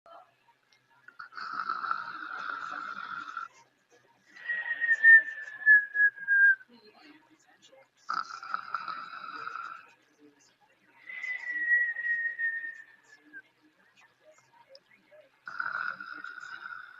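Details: Sleeping individual with high, steady whistling tones on each breath, about every four seconds, alternating with falling whistles: a whistling, wheezy snore.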